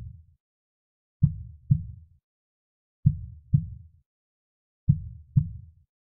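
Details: Soft heartbeat recording used as a baby sleep sound: soft, deep, evenly paired lub-dub heartbeats at a slow pace of about 33 beats a minute.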